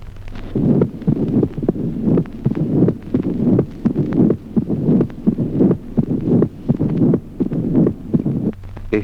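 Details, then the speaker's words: Booming, reinforced first heart sound in mitral stenosis: rapid low heart thumps with a loud first sound. "Reforzamiento del primer ruido. Ejemplo vi primer ruido retumbante en la estenosis mitral."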